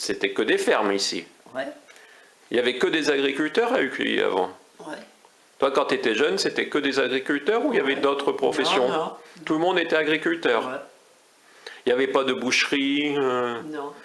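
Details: Adult speaker in conversation; normal conversational speech.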